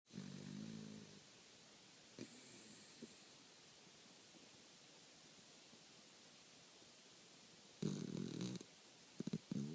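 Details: A sleeping dog snoring with her tongue hanging from her mouth: two rough, buzzing snores several seconds apart with faint snuffles between them.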